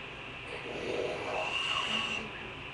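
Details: Snoring at 9:45 pm: one long, harsh, rattling breath drawn through the airway, a loud snore.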